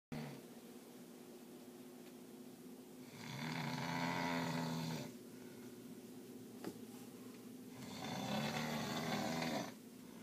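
Two long, low, vibrating snores on in-breaths, about 13 breaths a minute, over steady room hum; snoring during sleep.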